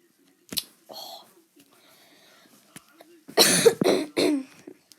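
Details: A sniff, a quiet throat clearing, then two or three short dry coughs over faint game sounds while the person plays Roblox; they apologise for the coughing and mention that some people still have hay fever in sunny UK weather.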